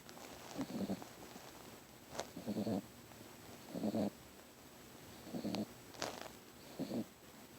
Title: CUTE!!! Stella the puppy snores (turn volume up)